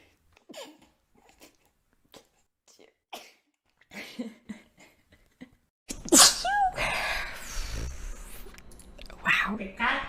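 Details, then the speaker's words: An adult female ASMR performer on a high-quality mic: soft clicks and rustles, then a sudden loud sneeze with sharp breath intake, likely followed by another. "Oh! I'm gonna sneeze! These flowers get the best of me sometimes."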